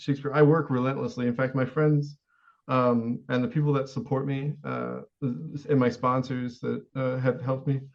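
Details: Adult man, a U.S. Navy veteran, with a severe, rare form of Tourette syndrome, with a recurring verbal word tic, other vocal tics, intermittent screaming and self-injurious motor tics; vocal tic (Tourette syndrome).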